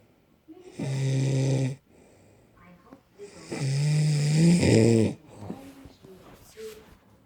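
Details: Snoring from a woman who says she doesn't snore at all.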